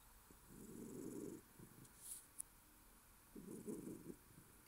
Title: Bun-Bun snoring